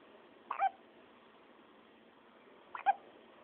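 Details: Two brief, sharp hiccups about two seconds apart against steady background hiss: ordinary hiccups.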